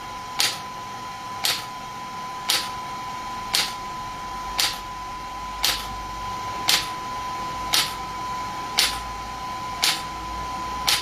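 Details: Pulses from an SW5S shockwave therapy device for ED and plantar fasciitis, with the feet placed up and gel applied: sharp snapping pulses about once a second, roughly 57 a minute, over a faint steady tone.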